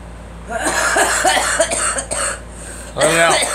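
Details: Girl coughing: a run of short voiced coughs, then a longer voiced cough, over steady room hum.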